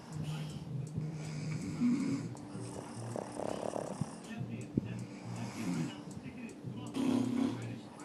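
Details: Pug sleeping and snoring.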